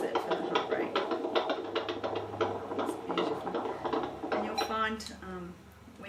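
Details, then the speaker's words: Fetal heart on Doppler during antenatal abdominal examination, baby head down: rapid, regular whooshing beats at about 150 a minute, fading at the end; normal, strong, regular fetal heart rate. "we've listened to the baby's heart rate and it's beautiful and strong and regular"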